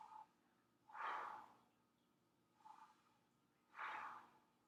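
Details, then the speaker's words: Patient taking two slow deep breaths on request during posterior lung auscultation, one full respiration per area, in a medical assessment; each a softer inhale followed by a louder rushing exhale in a quiet room. "i'm also going to auscultate for one full respiration in each area of the lung all right and then can you take a deep breath in and after me one more time right there sorry"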